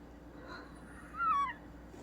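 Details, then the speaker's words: Wheezing in a young woman after folding a sweatshirt: a single brief high whistling squeak with falling pitch over quiet room noise. "there you go thank you and you have to fold this one sweatshirt one sweater people how is that going to make her any difference or doing any better while her lung is wheezing"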